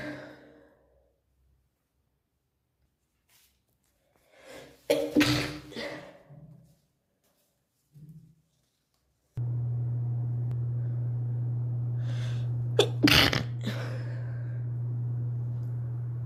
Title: Sneeze stifled (girl)